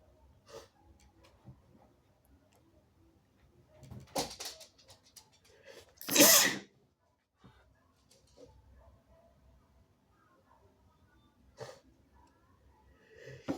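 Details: Two forceful, wet sneezes amid quiet sniffing and small room noises; extremely wet, snotty sneezes from a person who is still somewhat sick.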